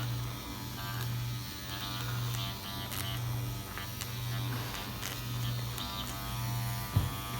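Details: Dr. Pen A7 microneedling pen (12-pin, 34-gauge) used for self-treatment on the sensitive lip area, increased to 0.75 depth: steady low electric buzz with faint background music.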